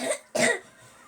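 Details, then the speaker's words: A child in a quiet room gives two short, harsh coughs. She is knocked out by the coughing, which had been getting better but no longer is; a steamy hot shower is planned. "She's like knocked out coughing like that though. It was getting better, not no more."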